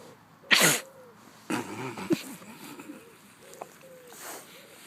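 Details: Pet pigs sneezing: a loud sharp sneeze, then a second softer sneeze-like burst, faint voices in the background; sneezing.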